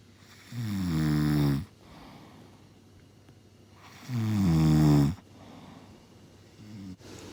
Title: Get creative with her snores